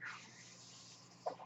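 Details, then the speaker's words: Soft, steady airy hiss with brief louder puffs of air from the speaker's own mechanical ventilator heard while he talks; mechanical ventilator sound. "Hello everyone, my name is, that noise you're hearing is my ventilator."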